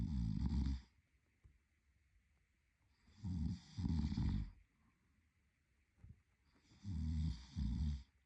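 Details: Adult male partner asleep in a quiet room: loud, rattling snores on each breath, about every three to four seconds; typical sleep snoring.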